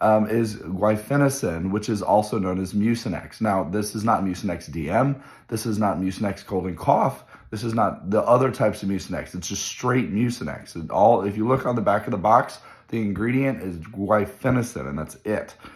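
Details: Adult male physician with his own viral laryngitis, voice change starting two days earlier with occasional squeaks, markedly worse the day before, recorded at the start of day three; hoarse voice (viral laryngitis).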